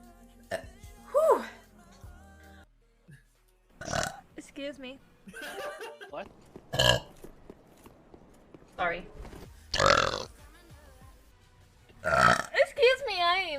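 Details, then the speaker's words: Several loud voiced belches from different women streamers, with brief talk, laughter and faint music behind; burping compilation. "sorry, but that's a lady burp."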